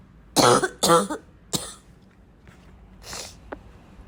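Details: Acted wet, chesty cough: three loud, harsh coughs with throat clearing, then softer breaths; the cough is tagged as wet, chesty and barking.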